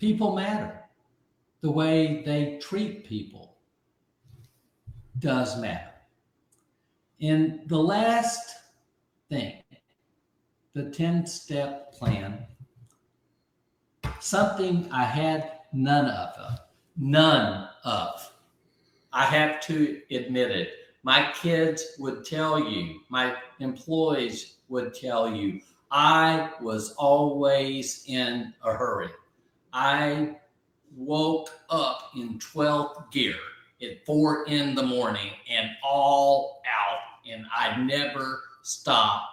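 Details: Aphasia after a stroke about 15 months earlier; at first he could not be understood at all, and he has since relearned over 20,000 words.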